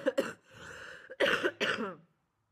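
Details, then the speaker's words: Adult woman with a lingering cough after illness, her voice back to normal: a short cluster of about four loose cough bursts with breathy pauses between. "Przepraszam jak Słyszeliście mam jeszcze trochę kaszlu ale tylko kaszel więc super mój głos wrócił do normy"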